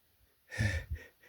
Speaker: Oh, those sneezes. Oh, they feel good.